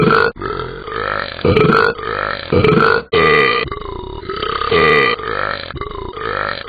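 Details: Simulated burping from the Talking Ben the Dog cartoon app, not a real person: a string of long, loud, voiced belches about every couple of seconds.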